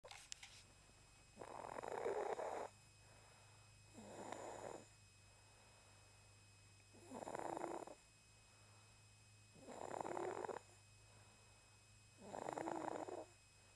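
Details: Soft, regular snoring from a sleeping cat, about one breath every 2.7 seconds (roughly 22 a minute), over faint room hum; snoring.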